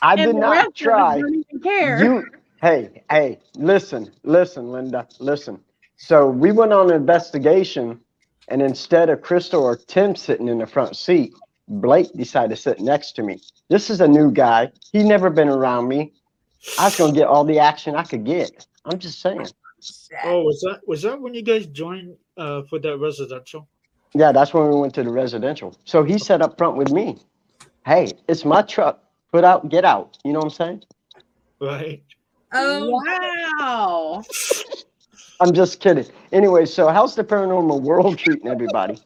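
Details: Adult; normal speech.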